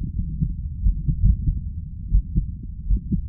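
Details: Adult male heart auscultated during a chest-vacuum manoeuvre, done to provoke arrhythmia: deep, forceful heartbeats with uneven spacing and intense pauses, an irregular arrhythmic rhythm.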